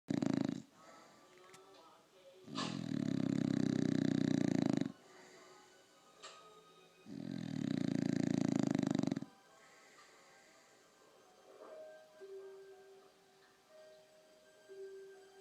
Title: Nigel the English Bulldog snores the house down